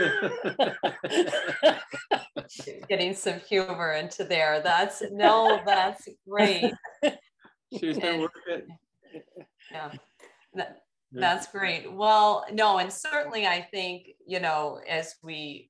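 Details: Adult speaker; ordinary speech.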